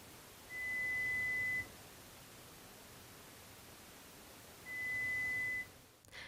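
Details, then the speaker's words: Pure-tone audiometry on an adult client with trouble hearing in background noise who listens to a lot of live music: audiologist presents tones descending in 10 dB steps, unpredictable rhythm, until no response. "The level is then decreased in intensity by increments of 10 decibels, making sure the tones are not presented in a predictable rhythm or pattern until the client no longer responds."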